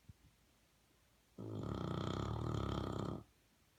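A single loud, rattling, low-pitched breath lasting nearly two seconds in a quiet room: a snore.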